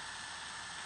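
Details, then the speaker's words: Steady high-pitched whine with faint buzzing: ultrasonic tip troughing dentin in the MB1/MB2 region of a tabletop maxillary molar under rubber dam, endodontic access under a microscope. "so now what I'm going to do now is I'm going to trough this is ultrasonic and I'm"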